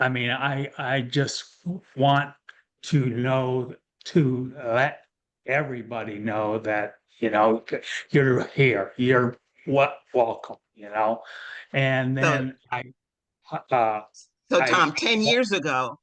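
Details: Real adult male with aphasia following a stroke; early after onset he could not speak at all; aphasia.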